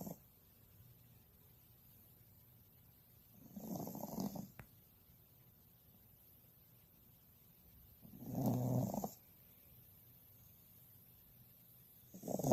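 Slow rhythmic rough snores about every 4 to 5 seconds, roughly 13 a minute, over quiet room hiss: a sleeping dog snoring.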